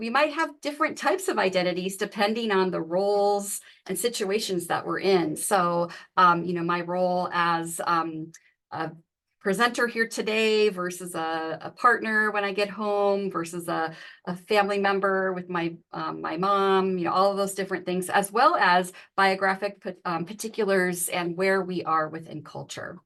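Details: Adult woman speaking; normal speech.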